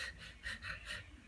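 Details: Adult imitating the shallow laboured breathing (dyspnoea) she had after chlorine exposure, which felt like she couldn't take a deep breath: quick, short, airy breaths in rapid succession.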